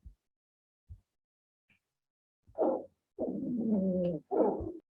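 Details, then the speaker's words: Wheezes: high-pitched squeaky sounds produced by a narrowed airway, heard more often during expiration. "Y los últimos vendrían a ser las sibilancias. Estos son ruidos chillones que van a ser producidos por una vía respiratoria estrecha."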